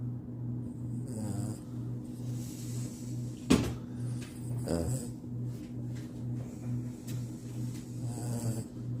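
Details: Morkie (small dog) snoring loudly while asleep after being very tired: a steady low rumbling snore with a few louder snorts over constant room hum.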